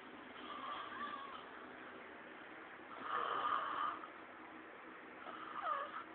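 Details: Person snoring, recorded on a mobile phone: soft, rough, muffled breathing noises rising and falling every few seconds.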